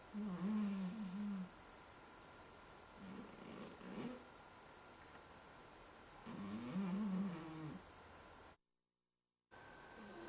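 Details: Overweight cat sleeping and snoring loudly: rough, fluttering snores a few seconds apart against low room hum.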